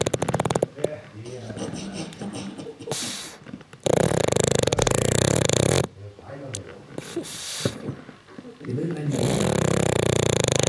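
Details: Dog sleeping heavily and snoring: loud, rough, snorting breaths in long bursts, with grunting and noisy stretches between them.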